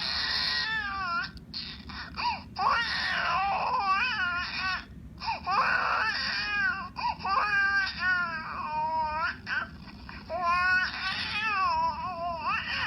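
Loud, sustained infant crying in repeated wailing bursts with brief pauses for breath, in a small room.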